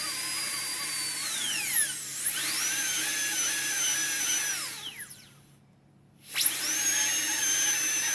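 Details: Shrill high-speed handpiece whine rising and falling with load, briefly stopping: labial reduction (target 1.2 mm, gingival third first) of an upper left canine on a practice model for a PFM crown, avoiding adjacent teeth, checked with a putty index.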